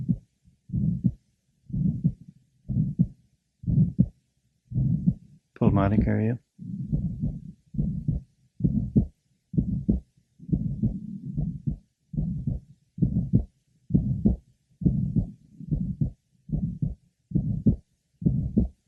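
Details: Aortic stenosis patient at about 65 beats a minute with a harsh murmur filling each beat, well heard at the apex, aortic area, pulmonic area and left sternal border. Ejection sound present, plus a third sound at the apex.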